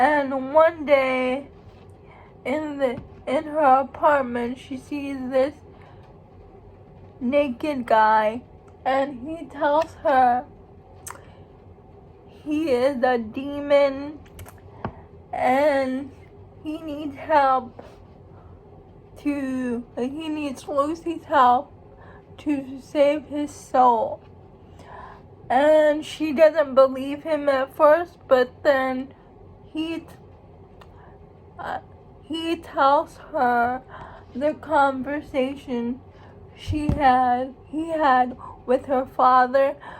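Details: Speech of a young woman who states she has cerebral palsy; speech of a person with cerebral palsy.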